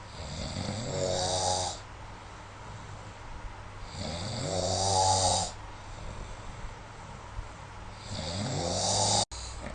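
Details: Snoring recorded with the SnoreLab app: loud, rattling breathing noises recur about every four seconds, three clear episodes with quieter gaps between them; snoring during sleep.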